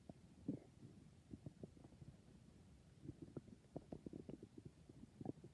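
Faint bubbling gurgles and short squeaky pops in quick irregular bursts: ordinary stomach growling, normal.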